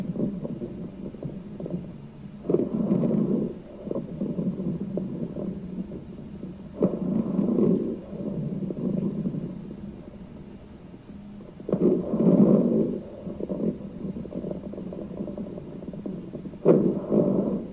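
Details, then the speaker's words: Rhonchi in a nursing lung-sound teaching recording: coarse, loud, low-pitched bubbling and rumbling throughout inspiration and expiration, from secretions in the large airways. "hearing that bubbling throughout the inspiratory cycle and throughout expiration very bubbly kind of a sound right"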